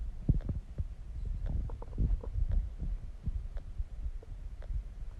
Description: stomach digesting growling sounds